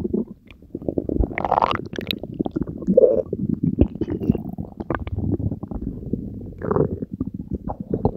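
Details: Belly after swallowing Diet Coke and Mentos: continuous loud gurgling, bubbling and rumbling from the stomach; active bowel sounds.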